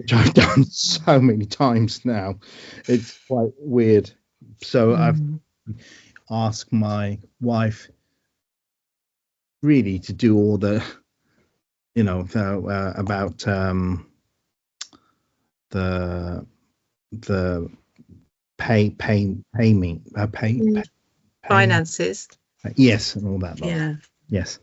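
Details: Aphasia after a stroke in a man, with word-finding difficulty, trouble saying numbers, tiredness and needing time to speak; aphasia.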